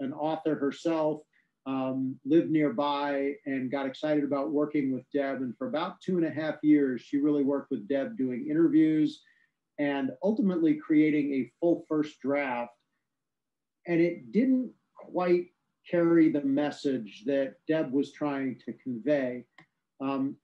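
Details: Adult speaker; normal speech.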